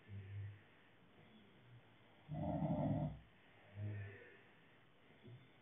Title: Snoring part 4